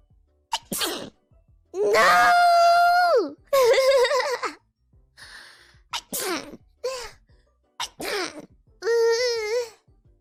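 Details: Sharp catching breaths and drawn-out voiced wails of near-sneezing, then several abrupt explosive bursts: a run of sneezes.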